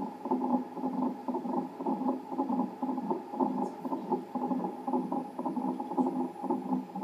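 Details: Fetal heartbeat on a Doppler monitor during a non-stress test at 40 weeks of pregnancy with polyhydramnios, reactive reading: rapid rhythmic whooshing pulses, about 115–140 a minute.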